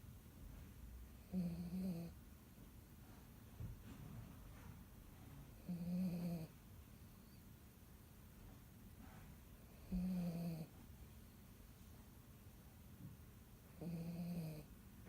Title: Dachshund Puppy Snoring